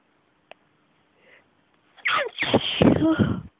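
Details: Sneezing fit: after a quiet start, a rising breath-in leads into loud, voiced sneeze bursts in quick succession.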